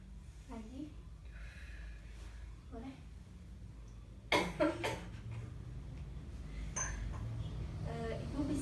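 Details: Simulated nursing practical of deep breathing and effective cough to expel secretions from a patient: acted deep breaths followed by a few sharp cough bursts to clear sputum.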